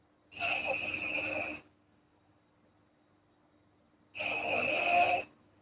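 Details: Girl snoring while asleep: two breathy, hissing snores with quiet pauses between, light and airy rather than deep; mild snoring.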